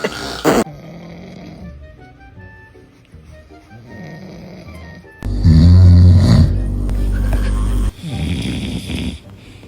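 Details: A father snoring, affecting a baby's sleep: a loud, deep, rattling snore rising over soft background music after quieter breathing; heavy snoring.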